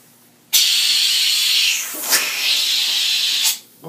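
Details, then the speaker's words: Steady loud airy hiss of strong suction for about three seconds, with a brief gurgle as liquid is drawn in: a disposable dental Expectorator on the high-volume suction hose, used by the patient to rinse and spit. "you know what I like about this thing it clears everything out yeah it's much more efficient this product really sucks"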